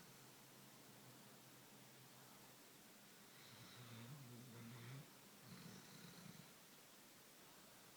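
Soft, low rumbling breaths from a sleeping dog, two snore cycles over a quiet room background. Snoring.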